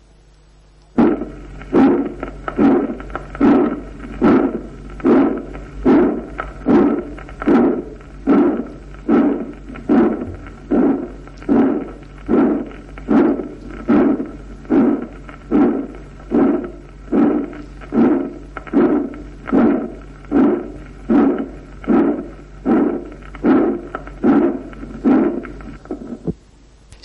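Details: Systolic ejection murmur from obstruction to systolic ejection in pulmonary stenosis.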